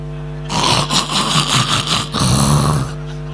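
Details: A comedian on stage imitates loud snoring while joking about snorers whose snoring fills a whole hall, part of a Gujarati comedy routine; imitated snoring.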